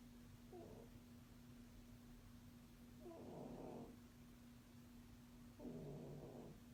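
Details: A sleeping cat gives loud, rough, rattling snores on each breath, about 23 a minute, over a steady low background hum: snoring.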